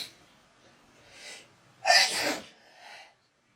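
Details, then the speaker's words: A person sneezes during a COVID-19 rapid-test nasal swab: a single sharp, explosive sneeze with a quick breath in before it, then quiet breathing; swab-induced sneeze. "他每次用完都哈啾，会痒，其实会痒。"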